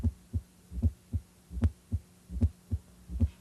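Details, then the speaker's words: S4 atrial gallop on cardiac auscultation: regular heartbeat near 76 a minute with an added soft low sound just before S1, from forceful atrial ejection into less compliant ventricles. "S4 results from vibrations caused by forceful ejection of blood from the atria into ventricles that expand less"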